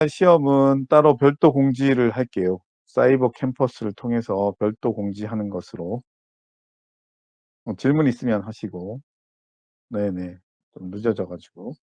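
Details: Adult male lecturer; Normal fluent speech.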